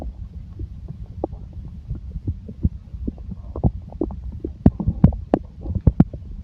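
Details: Stomach growling (borborygmi): irregular gurgling, bubbling rumbles with sharper pops toward the end, from gas and fluid moving through the gut.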